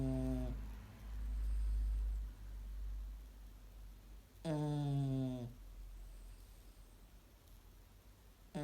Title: Snoring dog